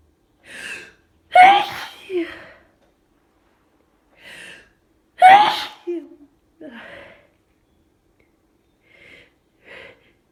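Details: Rapid, itchy allergy sneezing: a run of sharp sneezes, each with a catch of breath before it, and short exclamations between them.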